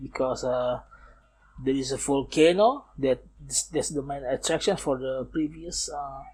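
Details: Man aged nearly 31, a non-native English speaker, who says he still stutters and that it is audible in this recording; stuttering.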